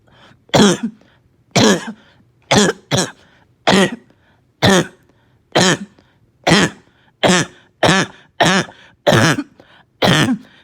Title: Barking cough w/slight fever, gagging, puking